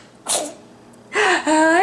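A sharp, hissing burst, then a longer voiced sneeze with a rising cry-like tail; two sneezes in a row.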